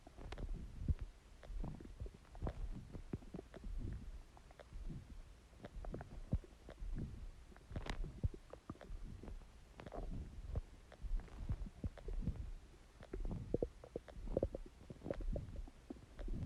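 Continuous low gurgling and crackly bubbling from the belly with steady rumbling throughout; ordinary stomach growling.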